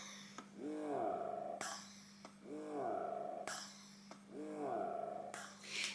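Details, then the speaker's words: Hands-free breast pump running: rhythmic cycles about 34 a minute, each a rising-falling motor whine with a sharp click over a steady hum; described as quite noisy. "so that is the biggest con for these is just the size and how indiscret they are they are also quite noisy if I put this on"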